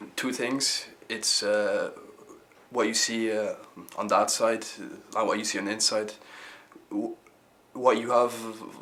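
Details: Stuttering with repetitions in a young male member of a youth theatre group for people who stammer; he says he probably stammers a bit less now than 10 years ago.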